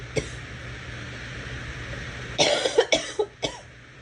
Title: Girl coughing 97